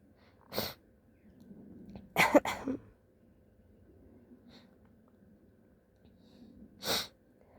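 Four short sneezes, two closely paired, over quiet background noise; sneezing during a flu illness.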